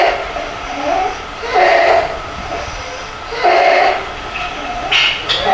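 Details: Child with croup (laryngotracheitis): repeated harsh, noisy breaths with a high whistling tone; croup inspiratory stridor.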